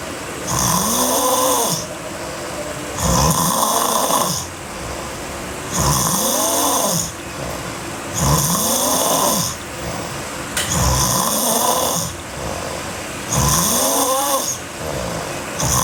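Loud, harsh snores repeating about 24 times a minute, each with a rattling, vibrating quality; heavy snoring during sleep.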